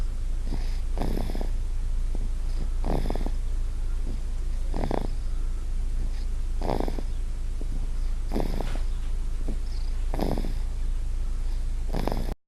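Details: A 1-year-old girl snoring while asleep.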